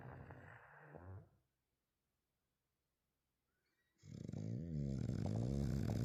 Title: Spud is snoring in the background too #spudandbessie #bulldog #funnyshorts #dog ##bulldogsnores